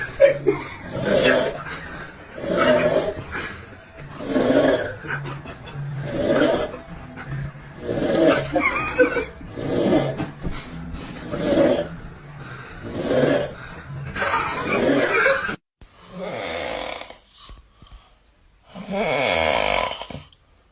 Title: Ranking TOP funny snoring sounds!😮‍💨 TRY NOT TO LAUGH